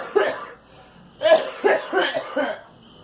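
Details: Girl coughing: a single cough, a pause, then a burst of four coughs close together.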